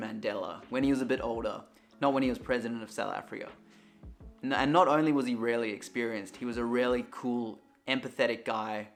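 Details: Adult man speaking; normal adult male voice.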